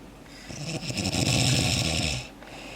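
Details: Father and daughter, both very sick, asleep together on a couch: a single loud, rattling snore about two seconds long with harsh fluttering on the in-breath; snoring.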